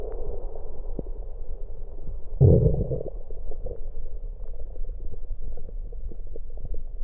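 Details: Stomach recorded with an electronic USB stethoscope after drinking soda (Coke): low gurgling and bubbling with a louder surge of gas movement midway; normal bowel sounds.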